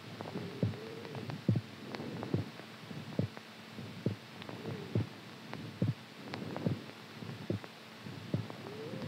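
Steady paired thumps at about 70 beats a minute with soft low hum behind; a normal heartbeat.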